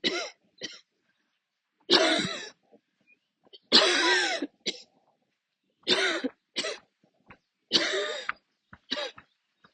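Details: Adult coughing attack while walking outdoors near the end of a walk: paired harsh coughs with a rattly, wet quality, repeating steadily at about 33 a minute with short pauses; a sustained coughing fit.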